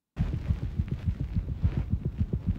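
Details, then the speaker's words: Cat heart murmur on stethoscope auscultation, quiet and intermittent, coming and going: rapid heartbeat about 210 a minute with a soft whooshing murmur between beats. "Sometimes the murmur is clear. Sometimes it comes and goes. Here is an example."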